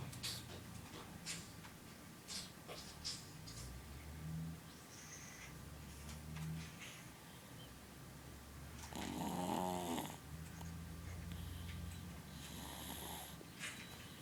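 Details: Sleeping dog snoring: soft snuffly breathing noises with one louder rattling snore; ordinary snoring.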